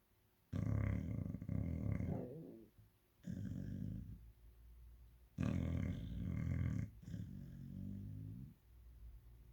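Loud, deep, rattling breathing noises in long bouts, with a quieter rumbling one between: a sleeping dog snoring.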